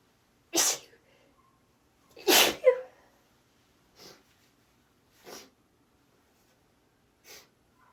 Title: persistent + ticklish little pairs of sneezes 🌼 (F)